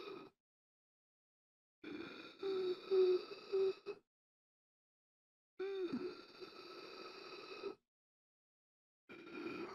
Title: Gasping For Air 1 Hour - Sound Effect